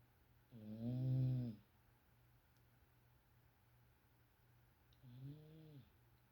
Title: Boo is really starting to snore pretty good!